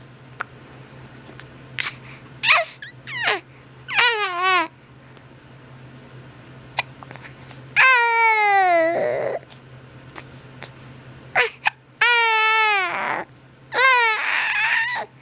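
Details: Repeated wailing cry bouts with short gasps and whimpers between them over a low room hum, from a baby said to have the hiccups; infant crying.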